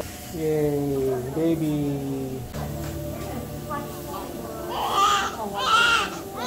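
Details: Newborn's first cry in short wailing bursts right after caesarean delivery to a 46-year-old mother, her second baby, in the operating room, with adult voices and music over it; healthy newborn cry.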